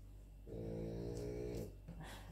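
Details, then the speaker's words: Dog snoring: a single drawn-out, low buzzing breath in a quiet room from a sleeping dog, heard while the owner talks. "Donc vous allez entendre des ronflements, c'est la vidéo blabla"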